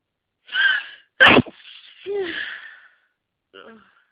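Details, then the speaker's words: Single sneeze in an adult trying to hold back sneezes, waking badly congested with itchy nose and watering eyes as trees bloom outside: drawn-in breath, sharp explosive sneeze, shaky exhale. "I can feel another one oh come on I hate when this happens I hate when is just Out Of Reach so teasing on I just I just want to sneeze he"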